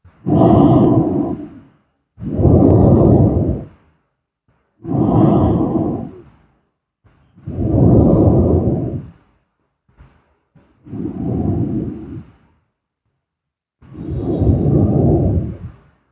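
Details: Snoring during sleep: slow, loud, rough breathing noises about every 2.5 seconds with pauses between, about 23 a minute.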